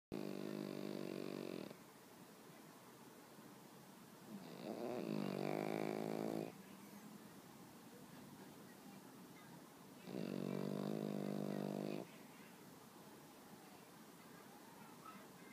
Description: Woke up one morning to find my pet Pekingese sleeping on me, snoring quite peacefully!